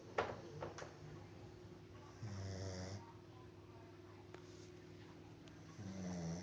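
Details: Low, rough rattling breaths in a quiet room with two louder snore bursts a few seconds apart, plus clicks and faint background noise; snoring.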